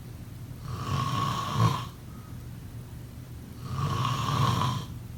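Two deep, rattling snores about three seconds apart over steady room hiss: ordinary snoring during sleep.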